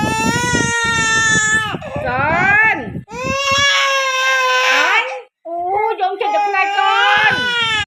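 Loud, sustained crying in long wails with brief breaths between: an ordinary infant cry.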